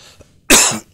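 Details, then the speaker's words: Adult man recording his third video in a row gives a single abrupt, harsh cough after a brief quiet pause, with faint room noise: an isolated dry cough. "morning I hope I don't coffee I've done three videos in a row is the reason that I'm coughing right now"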